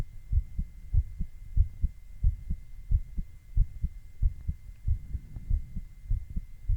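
Regular low paired thumps of an adult heartbeat at about 90 beats a minute, with a faint steady hum behind.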